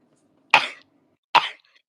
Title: Just me sounding like I’m dying from coughing :/